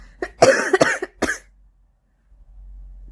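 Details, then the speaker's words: Smoker's cough in an adult smoker during her second cigarette of the morning: a quick run of about five harsh, raspy coughs, then silence. "every time I do it though I cough I a cough that time what's going on well I'm having my second cigarette of the morning"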